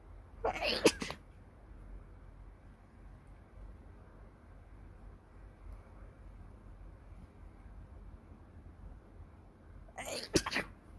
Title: Just a few sneezes #sneeze #sneezing